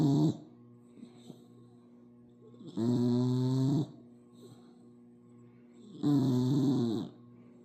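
Repeated buzzing, rumbling snores on each breath, roughly every three seconds, with faint music behind; a puppy snoring.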